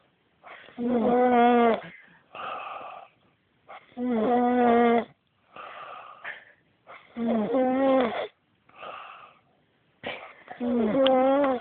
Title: snoring